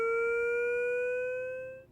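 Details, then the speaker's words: AED charging tone, a steady electronic tone rising in pitch for about two seconds, after "Analyzing now. Stand clear. Shock advised" in a training demonstration of a defibrillator's AED mode for cardiac arrest patients. "The AED will finish the analysis and give a decision, even in the presence of motion. Analyzing now. Stand clear. Shock advised."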